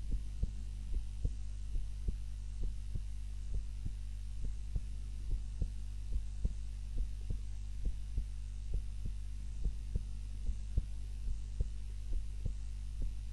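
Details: Normal heart sounds during an afternoon nap, self-recorded on a timer while lying on the back (usually prone): steady regular heartbeat at about 72 beats a minute under a constant low hum.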